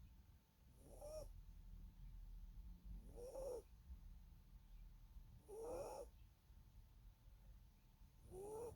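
Soft, regular whistling squeaks on each breath, about 25 a minute, over quiet room noise: a sleeping dog's whistling snore.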